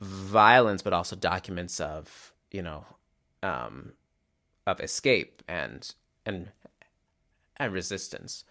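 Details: Real stuttering in a male musician who describes his stutter as glottal blocks that are often silent rather than repeated syllables; finding: stuttering.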